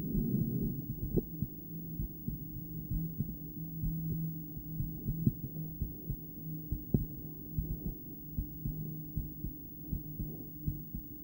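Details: Adult female's own heart via stethoscope during breathplay (breath-holding): faint, muffled beats under loud breathing and hum, unevenly spaced and paired, with an occasional long pause; intermittent ventricular bigeminy, poor stethoscope placement.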